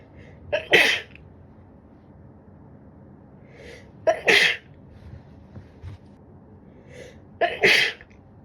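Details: Woman sneezing with a winter cold: three sneezes, each a quick indrawn breath then a sharp explosive burst, spaced a few seconds apart.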